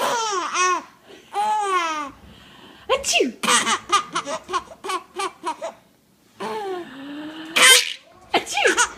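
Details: 6-month-old infant laughs at mother's sneezing; an adult's ordinary sneezes, a rising 'ah' breaking into a sharp burst, alternate with bubbly repeated infant laughter.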